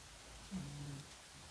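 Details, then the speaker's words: Snoring from a sleeping pet, Gertrude: a single brief, low, droning snore against a quiet room hush. "I don't know if you can hear her, but she's snoring. Apparently, I'm that exciting over here."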